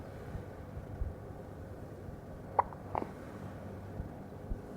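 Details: Two-week-old newborn girl with hiccups (frequent before birth): small, soft hiccup sounds over steady room noise; ordinary infant hiccups.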